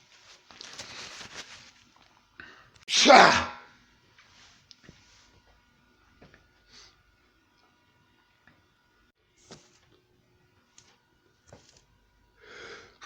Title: EXPLOSIVE AND SICKENING SNEEZING THAT JUST WON'T GIVE UP (w/heavy nose blowing)!!!!!